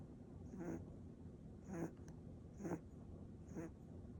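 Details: Sleeping mixed-breed dog snoring softly: regular quiet snores, about four in four seconds, against light room noise.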